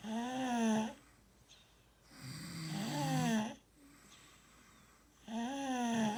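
Rhythmic snoring with a buzzing, whistling tone on each breath, roughly 23 breaths a minute, with quiet gaps between.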